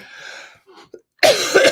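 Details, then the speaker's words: Persistent adult cough lasting a week after an emergency room visit, despite a finished course of antibiotics and steroids; a sound is still heard on breathing in and the coughing continues. "I finished up the antibiotics. I finished up the steroids, but this you can hear it when I breathe in. It remains. And I'm still coughing."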